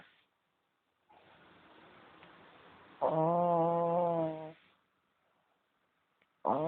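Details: Four-month-old baby snoring in the morning, recorded on a low-quality mobile phone: a quiet breath in, then a loud buzzing, vibrating outbreath lasting over a second, with another starting; snoring.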